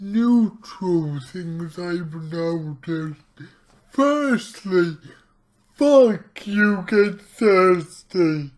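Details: Man with cerebral palsy, about two weeks into trying a keto diet to see whether it affects his CP; real speech, heavily distorted; dysarthric speech.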